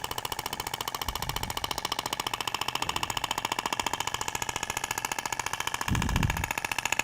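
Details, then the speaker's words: Thork radial shockwave applicator moved in a zigzag over the abdomen, with tissue visibly vibrating: rapid, steady mechanical tapping at about 15 pulses per second; radial shockwave therapy device firing. "é interessante que você consegue visualizar a propagação da onda você vê que até o tecido vibra né"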